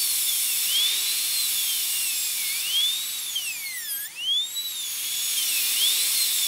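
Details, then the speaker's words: Full zirconia crown preparation, tooth number three (upper molar), rounded shoulder: high-pitched dental high-speed handpiece whine dipping and rising under load while placing a guide cut along the oblique/triangular ridge with a 1 mm diameter bur. "so we'll start by placing a guide cut on the triangular Ridge it's actually the part of the oblique Ridge on this upper molar will parallel it with that triangular Ridge"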